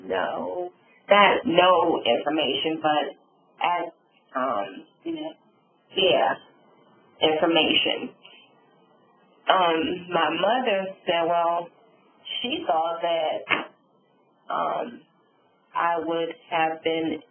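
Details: Adult woman, real stroke survivor, with aphasia and apraxia of speech after a subarachnoid hemorrhage and stroke; she reports sometimes being unable to think of the word; aphasia and apraxia of speech.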